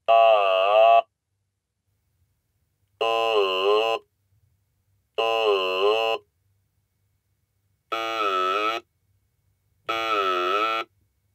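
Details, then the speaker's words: Electrolarynx used as the glottal sound source for physical vocal-tract models (VTM-N20): five steady mechanical buzzes, each shaped into a different vowel by a different model. "when the button is pressed this electro larynx produces a glottal sound like this now it will be connected with each one of the models"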